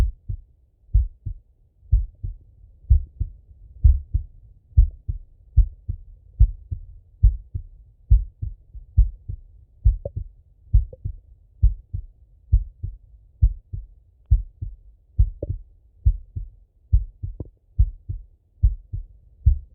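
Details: Stethoscope auscultation of a male's chest: steady lub-dub heartbeat at about 68 beats per minute with soft breathing noise underneath; normal heart sounds.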